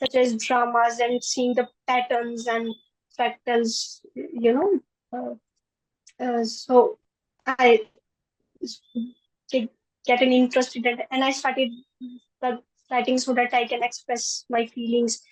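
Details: Stammering in a 20-year-old woman who stammers, reportedly more in public than with family.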